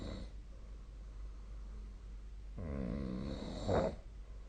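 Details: Sleep snoring recorded with a snore-tracking phone app (SnoreLab): a single rough, vibrating inspiratory snore ending in a snort over steady room noise; snoring.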